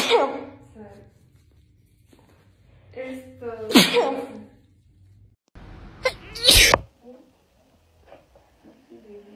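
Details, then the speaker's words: Young woman sneezing after a Covid-19 nasal swab test: two forceful sneezes with voiced catches, with brief talk and room sound around them. "Not even lying, when I do the nose, I usually sneeze at least 10 times minimum. I only sneeze once. Go sneeze."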